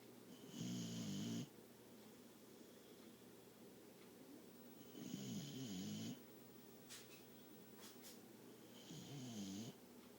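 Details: Dog asleep on owner's lap snoring: three rumbling, buzzing snores with quiet pauses between, about 13 a minute, over faint room noise.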